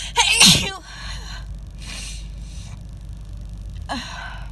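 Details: Sneeze from a cold moving to the chest, harsh enough to hurt the throat, despite trying to stifle it, in a car: one loud, harsh sneeze with a sharp gasp before it, then quieter breathing against steady car noise.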